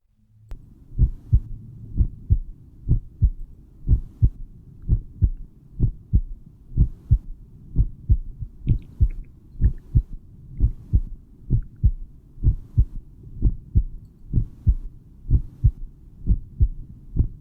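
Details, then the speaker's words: Normal heart sounds, steady paired lub-dub around 64 a minute with no extra sounds: first sound from atrioventricular valve closure, second from closure of valves between ventricles and outgoing arteries. "Clichê ouvir tum tum tum tum tum tum o barulho do fechamento das válvulas o primeiro um fechamento do as válvulas entre os átrios e os ventrículos o segundo um é o fechamento dessas válvulas entre os ventrículos e as artérias que saem do coração"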